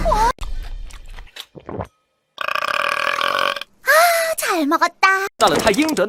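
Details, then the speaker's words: Burping compilation from animated cartoon female characters: several loud, drawn-out belches mixed with speech and music, including "the belch of luxury… all the sparkling water." "the belch of luxury either it's that or all the sparkling water nope still feels bad"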